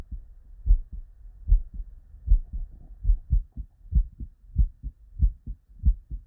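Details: Real, unedited bedside recording from a human with normal cardiac physiology: regular low lub-dub beats at about 75 a minute, clean S1 and S2 with quiet pauses, normal heart sounds.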